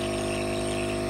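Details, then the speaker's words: Steady mechanical hum with a buzzing drone as a nebulizer compressor is first switched on to test it, before albuterol is added for a 14-month-old and a 6-year-old sick with flu. "okay so now it's hooked up to power let me just see if it works so it looks like it's working"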